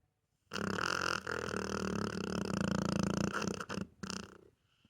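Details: Loud, rough, rattling snore drawn out over several seconds from a sleeping pit bull dog; snoring.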